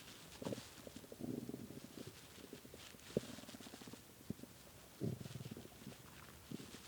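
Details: Hunger stomach growling after skipping lunch and dinner, growling badly at 3 a.m.: low gurgling rumbles and bubbling squelches from an empty stomach, borborygmi.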